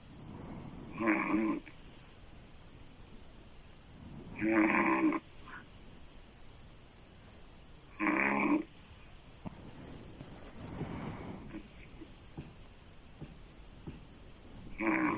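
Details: Woman's loud, harsh open-mouth snoring, described as sounding like a man's, about every three to four seconds (roughly 17 a minute) over steady room noise.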